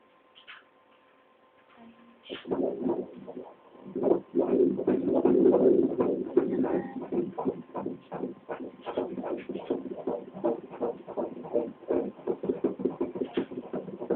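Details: Fetal heartbeat on ultrasound Doppler at about four months of pregnancy: rapid rhythmic whooshing pulses at about 160 a minute, with some irregular noise as the fetus moves.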